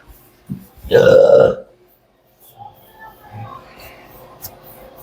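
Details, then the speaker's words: A loud, drawn-out belch of about half a second from an adult man after bone-setting full-body adjustment, said to reflect digestive relaxation, followed by quiet talk: burping. "So pati yan kaya burp ka ng burp yung stomach mo yung digestive ano natin nare-relax din kaya yan normal lang d"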